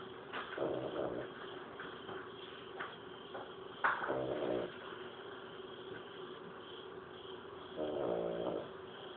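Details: Three short, fluttering snores spaced irregularly over steady background noise: light snoring from an adult woman, the recorder's mother, recorded from outside her bedroom.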